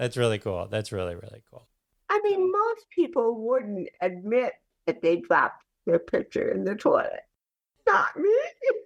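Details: Adult woman with cerebral palsy speaking in a real conversational interview; speech in cerebral palsy (dysarthria).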